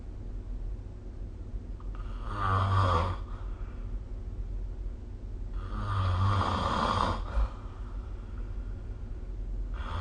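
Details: Snoring during sleep recorded with the SnoreLab app: rumbling snores on each breath in, about a second long and a few seconds apart, over steady low room hum.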